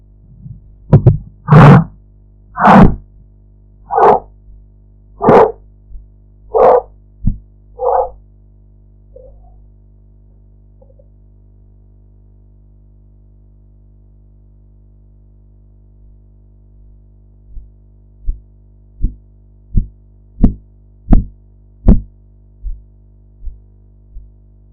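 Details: Practice blood pressure recording with audio enhancement alongside the sphygmomanometer dial: rhythmic tapping Korotkoff sounds come and go as the cuff deflates, with some background noise.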